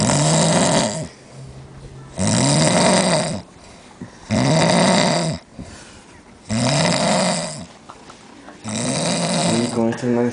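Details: Loud, harsh, rattling snores about every two seconds, some with a rising and falling droning tone, separated by quieter breathing; repetitive snoring.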